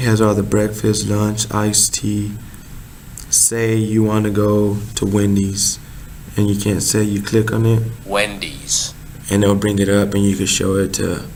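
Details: Adult male speaker; Normal speech.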